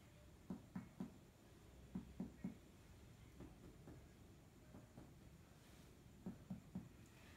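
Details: OSCE respiratory examination of a 20-year-old man with cough: groups of two to three dull hollow finger-percussion taps over the front of the chest; resonant note, meaning no mass, fluid or trapped air beneath.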